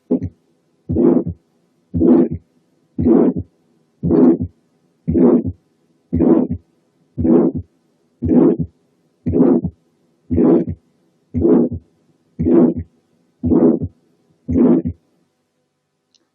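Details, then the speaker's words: Ventricular septal defect with a short systolic murmur present only up to mid systole; regular heartbeat near 58 a minute, murmur fading by mid systole. "تعالوا نسمع ventricular septal defect مع شورت ميرمر موجودة بس لغاية الميدل بارت اوف systole."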